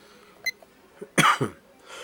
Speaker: Excuse me, I'm got a upper respiratory infection, so that's why I sound a little off, and I've got this cough and clearing in my throat.